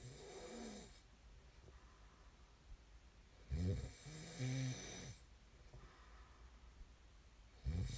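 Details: Snoring ASMR recording: low, rattling snores on each breath in, about 16 a minute, with quiet breathing between; ordinary snoring.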